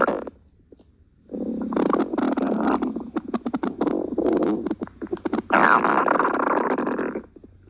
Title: stomach growling